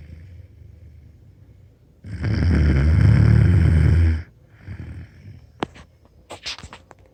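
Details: 13-year-old boy snoring loud enough to hear through bedroom walls: one loud, deep, rattling snore lasting about two seconds, then quiet breathing and small clicking sounds; snoring.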